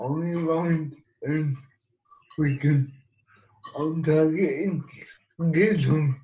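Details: Dysarthric speech associated with cerebral palsy in an adult man living with the condition.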